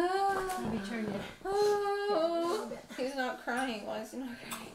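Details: Newborn's first cry just after an unmedicated home water birth, a third child: short, high wailing cries with clear pitch steps.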